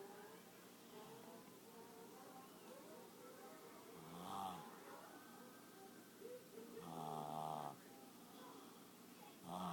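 Quiet room with a few rough, buzzing breaths while asleep, about three bursts in ten seconds: snoring.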